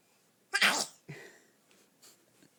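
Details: A single sharp, explosive sneeze followed by a short breath and soft sounds, in a quiet room.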